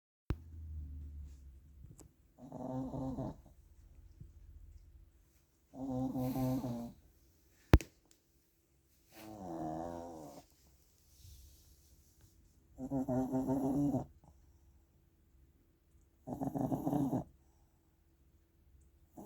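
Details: A sleeping small Shih Tzu dog gives soft, buzzing snores at a slow, slightly uneven pace, about five in twenty seconds; snoring.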